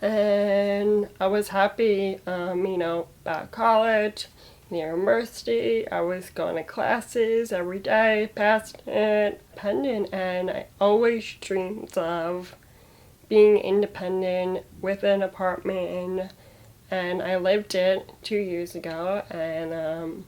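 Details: Aphasia after stroke at age 22 that paralyzed her right side and took away her speech, in a young woman who also has muscular dystrophy; recorded during recovery, with word choice her hardest part.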